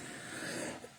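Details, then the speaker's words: Adult man with recurrent respiratory papillomatosis, years after surgery, coughing constantly all day: one harsh, rattly cough burst; chronic cough. "But my biggest problem is that right there. I constantly all day long I cough. And now you hear the rattle. It's it's constant. And it makes everybody think I'm sick or getting sick."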